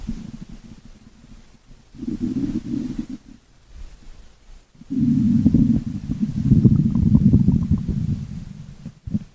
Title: stomach growling 5 minutes